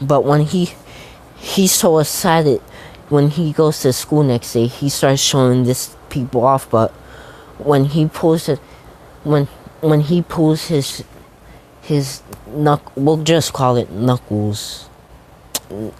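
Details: Stuttering in a man who says he stutters a lot, narrating a fan story.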